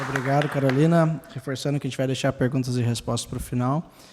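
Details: Adult male speaker; normal voice.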